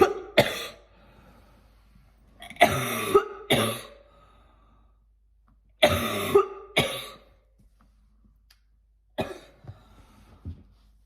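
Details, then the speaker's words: Repeated harsh coughs in about seven clustered bursts over ten seconds with quiet gaps, a coughing attack in a person who is extremely sick and planning a doctor's visit, while reading aloud. "Sorry that I had a big cough attack. I hope that's okay."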